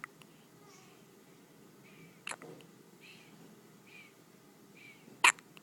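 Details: Baby with hiccups: short soft catches at regular intervals, with a louder sharp sound near the end, in a quiet room; normal infant hiccups.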